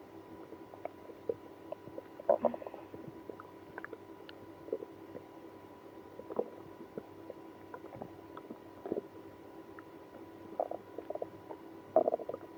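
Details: Scattered gurgles and squelching rumbles over a steady background hum, after drinking milk and prune juice in a person with IBS; active bowel sounds, stomach growling.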